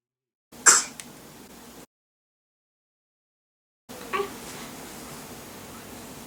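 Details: Newborn baby daughter at bath time with her father: two brief, sharp, high-pitched sneezes a few seconds apart.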